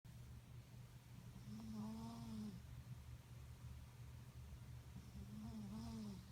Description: My sweet, beautiful, dainty kitty cat - named Barb.. snores worse than any man I've ever met.